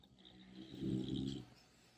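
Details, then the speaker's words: Sleeping English bulldog puppy, a heavy snorer, lying beside its owners: a single low, rattling snore lasting about a second in a quiet room: snoring. "Es nuestro bulldog inglés, pero es un roncador. Ya vieron, se duerme junto a nosotras. Ya lo desperté, pero ronca muchísimo."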